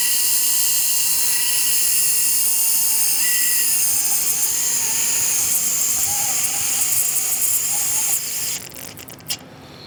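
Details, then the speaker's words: Continuous high-pitched whine with shifting pitch and hiss, then wind-down, of a surgical cranial drill with a 14 mm round bit boring a burr hole during a demonstration of NeuroPace RNS implant placement for epilepsy. "alright so again usually I will after I open up the skin I'll come back and make sure that my trajectory lines up so that my burr holes gonna be in the right spot"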